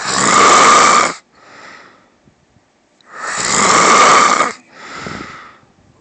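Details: Wife snoring: two very loud, harsh, rasping snores on the in-breath, each followed by a softer, airy out-breath.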